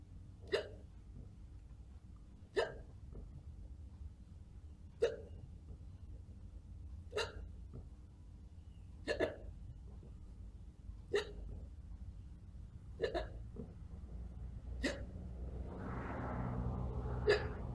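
Nine sharp, abrupt hiccup sounds at roughly two-second intervals, about 30 a minute, over a quiet background; possibly faked.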